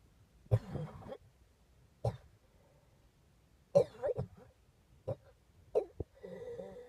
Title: coughing